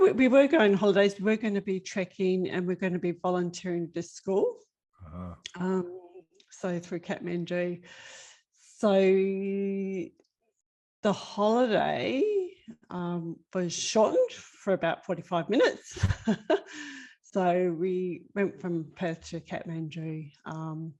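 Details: Global Broca's aphasia in a woman five years after an ischemic left-sided stroke at age 49, with ongoing word-finding problems and word mix-ups.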